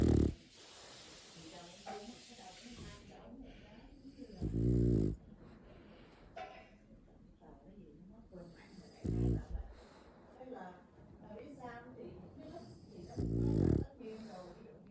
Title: Snoring puppy goes 😴